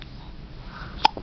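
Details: Baby girl hiccupping: one sharp, brief hiccup over quiet room noise; an ordinary baby hiccup.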